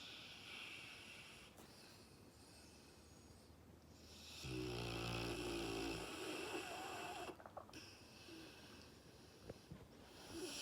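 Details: Senior Dogue de Bordeaux (French Mastiff) diagnosed with dilated cardiomyopathy, doing well on medication, snoring while sleeping: a loud, drawn-out snore with a vibrating rumble, plus softer breathing sounds.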